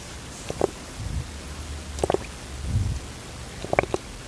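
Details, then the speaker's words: Baby's noisy throat breathing: soft, wet gurgling breaths with small popping clicks, from air passing through saliva pooled in a very young baby's throat, since the baby does not yet swallow it automatically. "Karaniwan ang naririnig na Halak sa lalamunan ng mga baby ay ang Halak na may gurgling sound o garalgal o parang may mga pumuputok Putok sa kanyang lalamunan"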